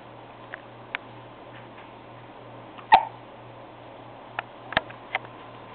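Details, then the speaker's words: Hiccups in a quiet room: a few brief, sharp catches at irregular intervals, one louder than the rest. "Uh-oh, someone has the hiccup. It's not me."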